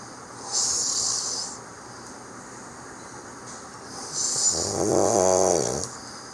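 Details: A hissing, whistling breath followed by a rattling, snorting snore, from a friend sleeping during a Christmas holiday visit in 2018; snoring.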